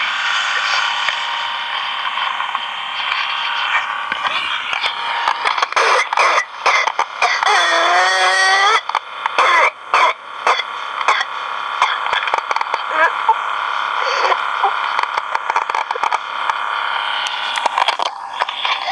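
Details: Whooping cough (pertussis) in a child, one of seven sick children: a rapid run of coughs followed by a high-pitched inspiratory whoop, worse at night.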